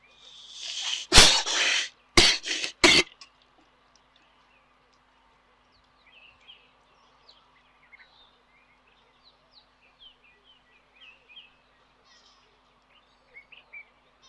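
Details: Fanged wild baboon at a waterhole, from an African wildlife live stream: a sharp, explosive sneeze followed by a couple of quick snorting bursts, then quiet outdoor birdsong.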